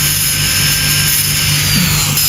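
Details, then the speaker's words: Demonstration of a class I amalgam cavity preparation on a premolar with a micromotor and contra-angle handpiece, using a cylindrical/fissure bur to smooth the cavity walls: a steady, continuous high-pitched dental drill whine. "nah kemudian mungkin kita boleh coba dengan bur E saya untuk halusin biasanya pakai bur ini untuk menghaluskan dinding pakai b silindris"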